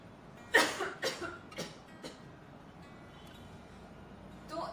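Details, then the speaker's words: Airway clearance demonstration for clearing phlegm from the lungs (e.g. after COVID): breathe in, hold for a count of 3, then one forceful voluntary cough followed by several quicker, softer breathy huffs. "ऐसे करना है, ठीक है। सांस अंदर लेना है, 3 तक पकड़ के रखना है और फिर खांसना है।"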